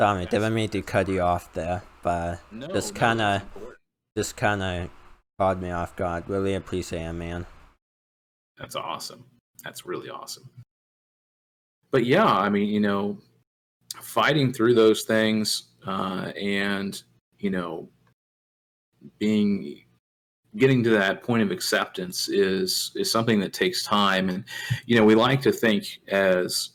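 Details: Male speaker with an uncontrollable speech impediment, improved after about 10 years of speech therapy, formerly relied on an iPad button talking device, unused for almost three years; speech impediment.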